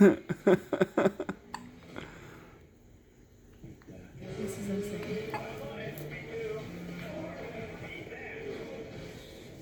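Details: An infant twin girl with hiccups: a quick run of short, voiced hic-like catches, then room noise takes over.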